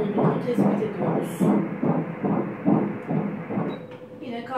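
Rhythmic whooshing Doppler pulses at about 136 a minute: a fetal heartbeat at 29 weeks with a regular rhythm, within the normal range.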